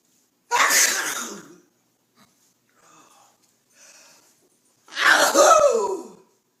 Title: Funny sneeze compilation